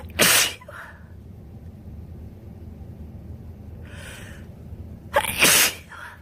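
Two forceful sneezes about five seconds apart, each with a short breath in before it, over steady low background hum; sneezing with a cold.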